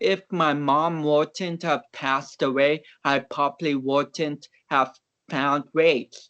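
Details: Dysarthric speech in a man of about 29 with cerebral palsy, an athlete and powerlifter whom doctors had not expected to walk or talk.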